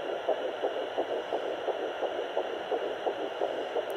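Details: Surrogate mother's third surrogacy, pregnancy at about 7–9 weeks: rapid, regular whooshing fetal heartbeat on a home Doppler, about 170 beats a minute, over steady hiss.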